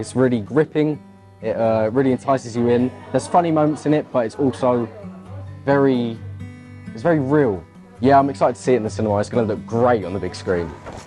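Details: Adult male speaker; normal speech.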